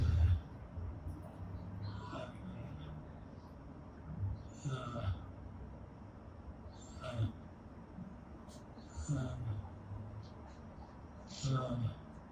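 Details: Man with ALS attempting to speak while a brain-computer interface decodes his words: severe dysarthria.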